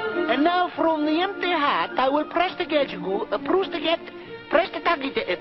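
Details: Acted stuttering by a male magician character who has trouble saying a word.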